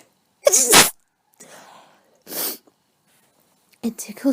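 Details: Adult with a cold and a tickle, unable to stop sneezing: two sneezes in quick succession, a voiced sneeze then a sharper one, with a breath between.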